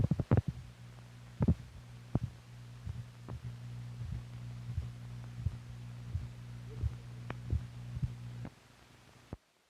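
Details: Normal heart sounds from an old (possibly 1950s) teaching film for doctors: soft, regular low heart thumps under a steady mechanical hum.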